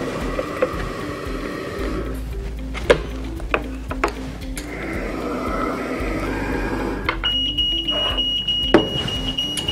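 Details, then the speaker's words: Steady high electronic alarm tone over background music and handling noise from a COVENT-20 transport ventilator as its breathing circuit is opened during a mode change; ventilator circuit-disconnect alarm. "akan bunyi ketika bete sirkuit dalam keadaan terbuka"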